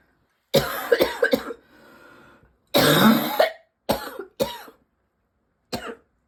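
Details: Person with constantly tickly throat and lungs: persistent cough, repeated bouts of harsh dry coughing, six coughs in quick runs with a brief rattly breath between.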